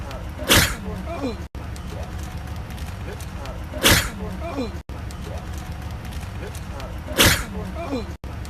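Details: Three sharp, explosive sneezes about three seconds apart, separated by abrupt cuts, over steady background noise; repeated sneezing.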